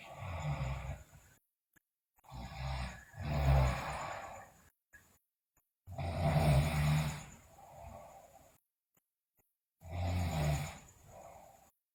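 Loud, rough snores on the in-breath, separated by silent pauses, about four snores in twelve seconds.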